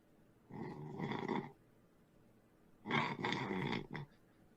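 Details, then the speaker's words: A dog gives two rough, rattling breath sounds about two seconds apart, with quiet room noise between, during a live stream: snoring. "If y'all listen real closely, you can hear the mag snoring."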